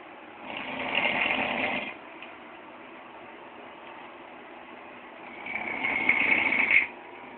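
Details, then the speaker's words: Loud snoring recorded in a bedroom: two loud, harsh, rattling breaths about five seconds apart over steady room hum; called the loudest snore ever heard. "oh my God that's got to be the loudest snore I ever heard in my life"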